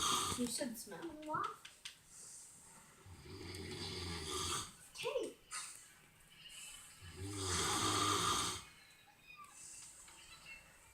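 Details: Adult man (a dad) snoring in sleep: slow, deep, groaning snores, about two in ten seconds, with low vibrating tones on each breath, in a quiet room.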